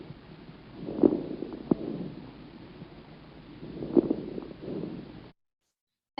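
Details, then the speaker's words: Soft breath sounds with brief, scattered popping clicks, followed by a short musical tone: fine crackles. "yep those both are crackles but and the one the first one is to find crackles and the second son is uh the chorus crackles"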